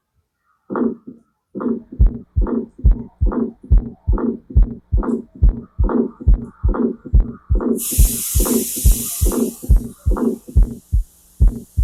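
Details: Innocent (benign) ejection systolic murmur: regular heartbeat near 71 a minute, with a soft murmur between the first and second sounds, described as a triple heart sound with murmur.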